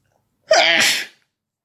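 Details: One explosive voiced sneeze with a sharp intake and forceful release, from a person feeling sick who woke in the middle of the night sneezing; a single sneeze from a rapid sneezing fit.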